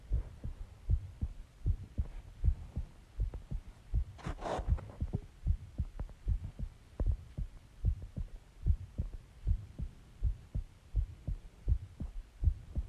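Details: Steady, low thumping heartbeat at about 77 beats a minute with one brief rustle, recorded after stomach growling an hour after eating eggs and ice cream and drinking Coke.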